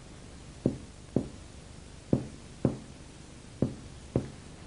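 Six short, hollow, low-pitched taps in a quiet room, each with a brief ringing decay: normal lung resonance on chest percussion.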